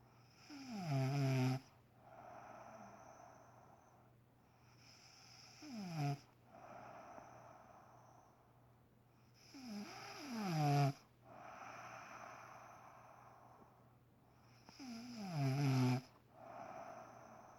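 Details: Adult woman snoring loudly in sleep at 6am: loud rattling snores on each breath in, softer breaths out, about 12 breaths a minute; heavy snoring.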